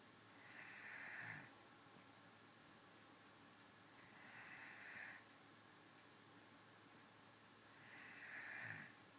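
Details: Adult woman snoring while asleep: soft, breathy snores with a faint snort at the end of each, about 16 breaths a minute, in a quiet room; snoring.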